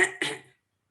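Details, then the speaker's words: Lecturer's imitation in a pediatric cough teaching module: a short, soft cough with two quick bursts; low-intensity cough from lower small airway obstruction such as bronchiolitis, where cough may be minimal and breathlessness dominates. "here when you go to lower small Airways you may have even absence of cough to very low intensity cough"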